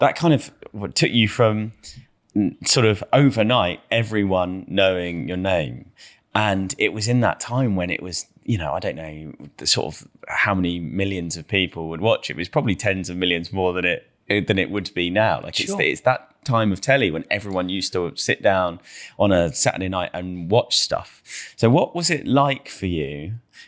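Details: Adult man speaking; typical speech.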